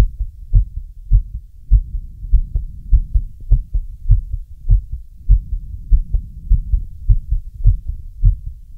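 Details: Steady low regular thumping heartbeat at about 100 beats a minute, a real recording of an adult male's own heart; normal heartbeat.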